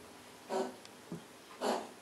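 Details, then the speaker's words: Two harsh, husky hacking bursts from a cat with a softer gasp between, heard in the background; owner thinks it sounds like a hairball: cat hacking cough. "sorry about the cat coughing in the background hair ball it sounds like"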